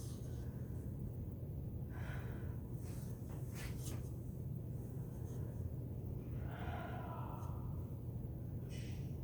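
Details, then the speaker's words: Normal deep breathing auscultated on the posterior chest with the stethoscope diaphragm during a respiratory assessment; slow, deep, even, unlabored breaths over a low room hum. "I'm going to be using the diaphragm of the stethoscope to listen. Let's start up here. And if you just take deep breaths as I do this."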